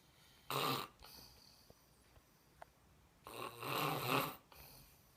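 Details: Adult man who fell asleep quickly while visiting: two loud, rough rattling inspiratory snores about three seconds apart, with quiet breathing between them; ordinary snoring.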